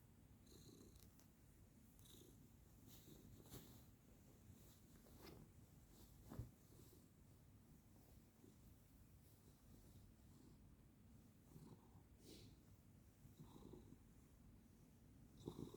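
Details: Sleeping pet cat: very soft, steady low rumbling breaths, close to a purr, with faint room noise; gentle snoring.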